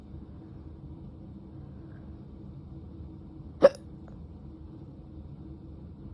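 A single sharp hiccup breaks an otherwise quiet stretch with low background hum.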